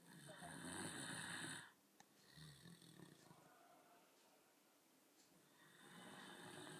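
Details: Loud rough snore on a breath, then quiet breathing, then the next snore building; ordinary snoring.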